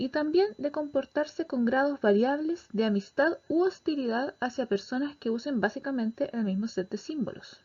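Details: Adult lecturer; normal speech.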